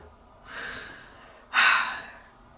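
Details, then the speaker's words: Sleeping dog snoring: two airy, snorting breath noises, a light snore without deep rumble. "Lily, you're not helping my confidence. She's snoring."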